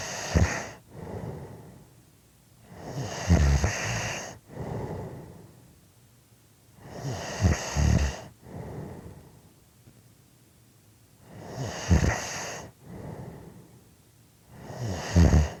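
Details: Loud, rattling snores on each breath, with softer breaths out between, about 16 breaths a minute; snoring.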